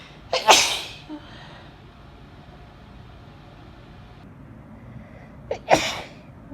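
Two explosive sneezes, each with a quick indrawn breath before the burst, about five seconds apart in a quiet room.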